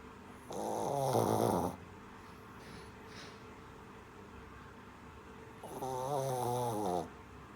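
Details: Sleeping shih tzu puppy snoring: two long, loud rattling, fluttering snoring breaths separated by a quiet exhalation.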